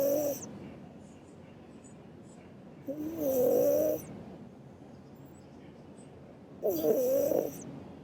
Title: My Burmese cat woke me up with her snoring (turn up the volume to hear it)